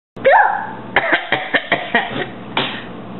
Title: cough cough SNEEZE